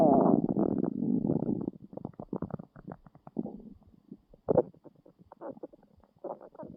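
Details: Loud, low gurgling stomach rumbles, then a run of irregular bubbling pops while lying in bed hungry after a long day, waiting for a meal; stomach growling (borborygmi) from hunger, a normal bowel sound.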